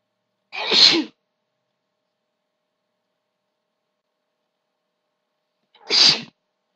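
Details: Two loud, sharp sneezes a few seconds apart, with silence between; ordinary sneezing in a recording of stifled and big sneezes.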